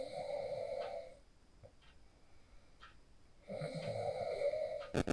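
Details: Phone recording of a sleeper after practicing the 4-7-8 breathing technique: rough, buzzing breath sounds with quiet gaps, then loud rustling at the end; snoring during sleep.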